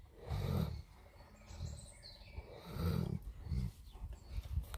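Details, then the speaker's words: Sleeping dog snoring quietly: low, rumbling snore bursts with faint bird chirps in the background. "Да храп пошёл тихо тихо"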